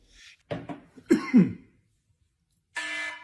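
A short cluster of harsh coughs and throat clearing in a quiet room, with music starting at the end.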